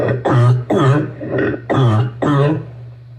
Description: Asthma and Bronchitis Deep Barking Cough